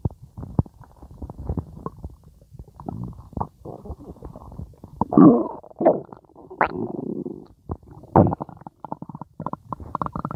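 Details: Stomach growling (borborygmi), third clip in a requested series.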